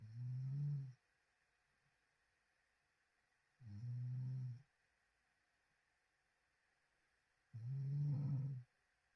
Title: crazy snoring with open mouth